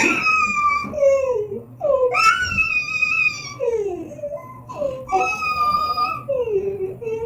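Sustained high-pitched infant crying in rising and falling wails with brief breaths between, in a small room.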